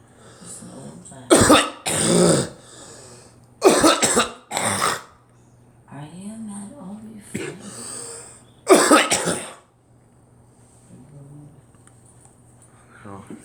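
Several harsh coughs in pairs, with throat clearing and some vocal sounds between them, in a quiet room.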